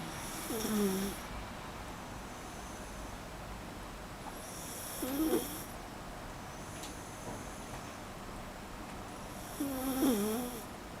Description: Here is my mini schnauzer, Whisky, deep in slumber land, snoring endearingly like a little piglet! :)